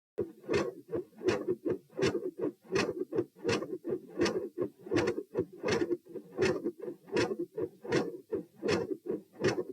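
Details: Heart sounds recorded at position P while standing: regular heartbeat near 82 per minute with a faint extra low sound after S2, possibly a third heart sound (S3).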